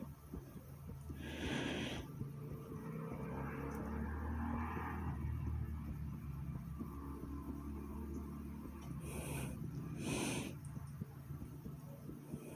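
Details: Own heartbeat and breathing recorded after exercise: loud, effortful breaths with noisy rushes of air over a low thumping heartbeat, typical heavy post-exercise breathing.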